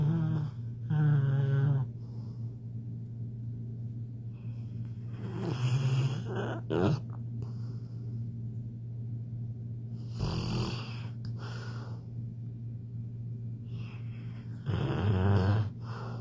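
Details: Child snoring loudly "like a grown man": deep, rough snores on the in-breaths, about four over sixteen seconds, heavy for a child's size.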